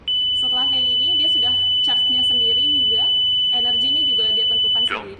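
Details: Zoll AED Pro in automatic mode during a demonstration, after analysis finds a shockable rhythm (VF): a steady high-pitched charging tone before the shock, with indistinct talk underneath, ending with a click.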